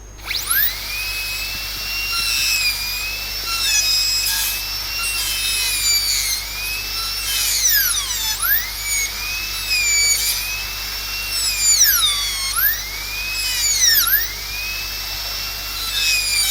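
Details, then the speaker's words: Dental drill whining at high pitch, dipping and rising as the bur cuts a secondary flare on the buccal wall of the proximal box, matrix band placed for protection, on an inlay cavity. "Okay, so my secondary flare on buccal wall is also done."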